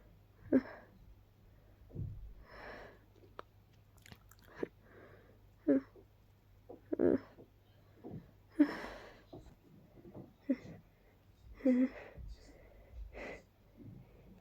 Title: *Trying* to hold back strong allergy sneezes